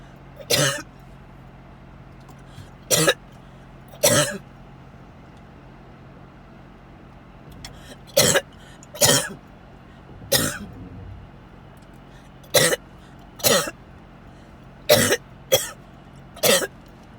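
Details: Repeated coughing fits recorded during a car ride to the hospital ER: about eleven harsh cough bursts in irregular clusters over steady car engine noise, clips edited together.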